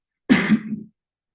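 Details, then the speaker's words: Adult speaker, a little sick and hoarse, opening a meeting: a single short, rough throat clear, close to a cough, in a quiet room. "me, I'm a little sick."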